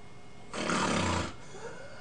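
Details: A male patient with obstructive sleep apnea gives a single loud, rough snore lasting under a second, just before an episode described as mixed apnea with no respiratory belt movement; snoring with obstructive sleep apnea.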